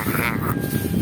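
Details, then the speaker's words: Man's voiced, rattling throaty imitation of the wet breathing rattle (halak) heard in a pigeon with respiratory illness. "gumaganon Ibig sabihin non may Halak yung kalapati niya"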